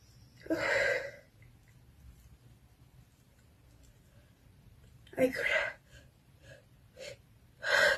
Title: Induced sneezing 🤧🤧🤧